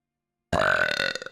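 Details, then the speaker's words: A single loud, voiced belch of under a second rises abruptly from silence, from a model/streamer who says she burps all the time; ordinary belching (eructation). "I mean, if y'all know me, y'all are going to know that I burp all the time."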